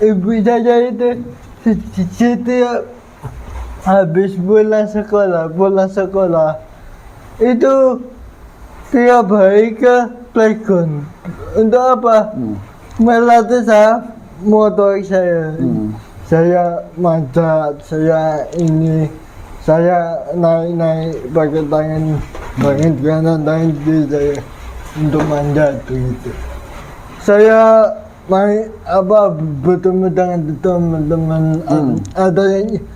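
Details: 22-year-old man with cerebral palsy (physical disability); dysarthria (cerebral palsy).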